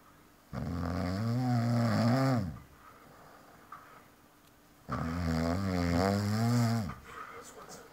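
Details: Friend asleep, snoring aloud: two loud, deep, rattling snores about four seconds apart, with quiet breathing between them; heavy snoring.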